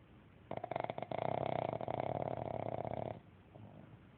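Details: Pug dog snoring: a single long, fluttering, rattly snore lasting about three seconds.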